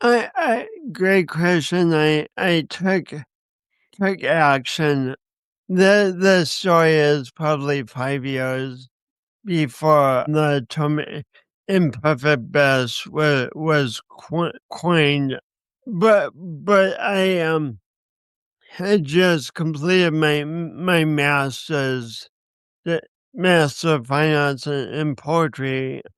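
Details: 50-year-old man with a lifelong speech impediment and coordination issues he links to a birth injury and describes as a disability; speech impediment (dysarthria).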